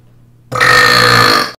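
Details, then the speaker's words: Person burping while trying to talk: one loud, sustained voiced belch lasting about one second after a quiet start; burp. "well like because people oh i can't [ __ ] talk without burping give me one sec"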